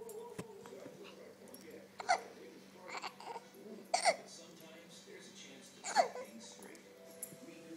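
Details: Baby hiccuping for a long while: four short, sharp bursts, each with a brief squeak, spaced irregularly over about eight seconds against quiet room noise. Infant hiccups.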